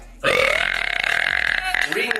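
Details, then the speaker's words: Woman, gassy all day, burping: one long, loud, voiced belch lasting about two seconds. "I've been so gassy all day today once I start I can't stop watch oh my gosh"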